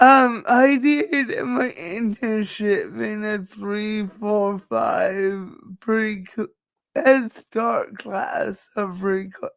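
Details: Dysarthria in a woman who says it is due to her cerebral palsy and that nothing can be done about it.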